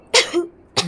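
Two sharp, forceful coughs in quick succession, the first with a brief rough tail, consistent with a coughing fit.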